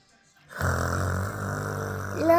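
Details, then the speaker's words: Sleeping mother snoring while denying that she snores: a low, rumbling, vibrating snore sustained for about two seconds. "Tú estás roncando, yo no."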